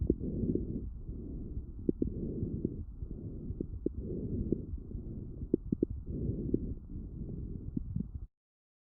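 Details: Lung auscultation recorded with a StethoMe electronic stethoscope, with AI-classified pathological sounds: muffled breaths with scattered brief crackling clicks, fine crackles.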